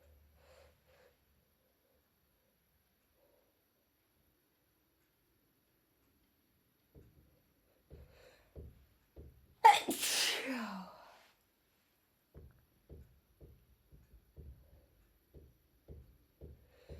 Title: Helpless cold sneezing